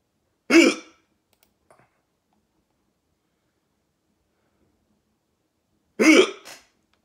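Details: Hiccups that won't stop: two abrupt voiced hiccups about five and a half seconds apart in a quiet room; persistent hiccups (singultus).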